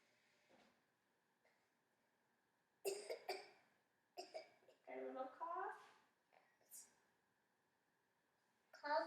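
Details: A child gives several short, light voluntary coughs with brief speech between them during a physical exam.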